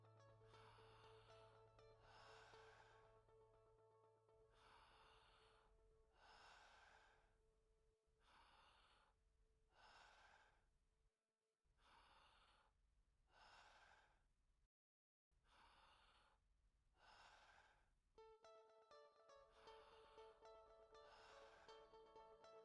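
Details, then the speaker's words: Adult man born 1993, examined in a medical student's respiratory exam, stethoscope on the back: taking deep breaths in and out through the mouth. Soft, smooth normal vesicular breath sounds, without crackles, wheeze or stridor. "normal vesicular breath sounds are heard without crackles wheezing or strider"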